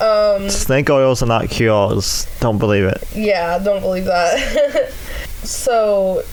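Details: Adult male with cerebral palsy affecting the right side of his body (right leg and arm), which he says also causes his speech impediment; dysarthria (cerebral palsy).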